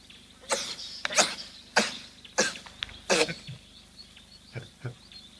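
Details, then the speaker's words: A sneeze from an olive baboon at a waterhole in Kenya. "bless you it rather epitomizes why we enjoy watching baboons there is something very human about their Antics and say to hear them sneeze like that"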